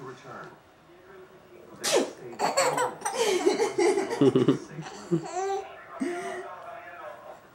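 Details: A child's fake sneeze: one sudden, sharp sneeze, then laughter and voices in a small room.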